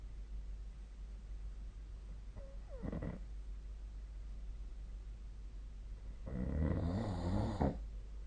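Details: Sleep snoring: a quieter snort, then a low, rattling, vibrating snore on a breath, over steady room hum.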